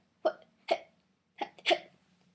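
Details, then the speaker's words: Four brief, sharp throat noises in two pairs, like a heartbeat, from a 17-year-old female diagnosed in 2011 with a tic disorder described as Tourette's; simple vocal tic. "my vocal ones are what are they there so it's sort of like a heartbeat noise like you're beating noise in my throat I have"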